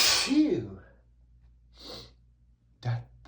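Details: Adult male with dust allergy sneezing while reading aloud from a dusty book; one forceful sneeze after an in-breath, then a softer sniff and short exhale.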